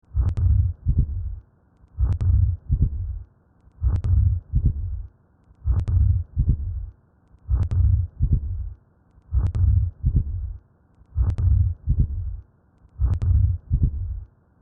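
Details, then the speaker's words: Simulated heartbeat with a crescendo-decrescendo whooshing ejection systolic murmur and a split second heart sound (lub, whoosh, dubber): atrial septal defect. "This presents with an ejection systolic murmur and splitting of the S2 heart sound. This murmur occurs during systole and is a crescendo-decrescendo murmur."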